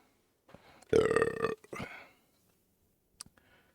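One loud, rumbling, voiced burp lasting about half a second, then a shorter trailing burp and faint room sounds.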